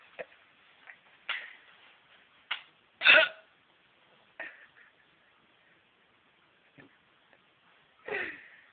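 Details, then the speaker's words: Brief sharp gulping catches recurring irregularly, about eight in nine seconds, each with a body jerk, in a quiet room: an unusual-sounding type of hiccup. "he's like I got as I got that new kind of Hiccup listen never heard this hiccup before it's"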